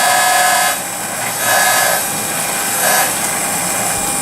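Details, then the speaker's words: High whirring drill at 1200 RPM with pulses of load in one pumping motion; initial perforation (pilot) drill placing a 4x10 implant in the lower molar region of a dummy mandible, training simulation; dental implant drill. "The LANKA drill, also a pilot drill or an initial perforation drill, which goes in at 1200 RPM. We are placing an implant of 4x10 in the lower molar region. So it should be one pumping motion."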